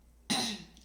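A single sharp, dry cough burst from an adult, with no wet or rattling sound.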